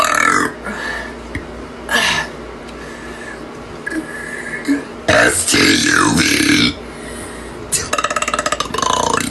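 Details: Burp contest reciting the alphabet A–Z: long, loud, drawn-out burps shaped into voiced letter sounds, ending with a rapid rattling burp, faint background music; voluntary burping.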